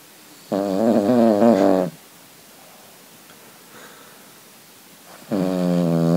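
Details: A sleeping female Cavalier King Charles spaniel snores loudly, with buzzing snores on each breath in at about 12 per minute and quiet breathing out between them.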